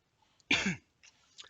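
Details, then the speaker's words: A small dog coughing after walking into the room where someone is working on a craft project: a cough. "if you can hear the little doggy coughing again i have tried to keep him out but he's just walked in the room"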